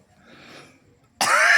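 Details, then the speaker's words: A single abrupt, loud cough bursting out after a second of quiet background hiss. "batuk gua."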